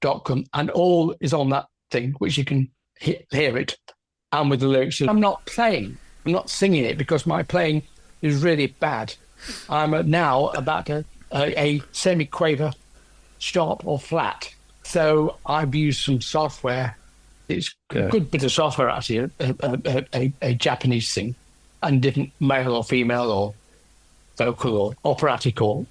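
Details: Aphasia in an adult male orchestral percussionist, 10 years after a stroke caused by a left middle cerebral artery blockage.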